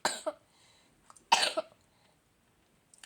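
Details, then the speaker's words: Two short, harsh coughs, each a sharp burst with a quick follow-on, in a quiet room, from a person who says they have pneumonia; cough. "Sorry guys. Actually, I'm sick. I have pneumonia right now."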